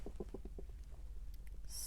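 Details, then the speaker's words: Adult's stomach growling while speaking: a quick run of soft, low gurgling pulses that fades out; stomach growling (borborygmi). "if you can hear my stomach growling but I'm trying to get more regular with my videos and get more of a routine going so I can be more productive"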